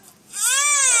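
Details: Two infants crying in a playful contest over who cries longer; brief high-pitched piercing wail rising then falling, ordinary infant crying.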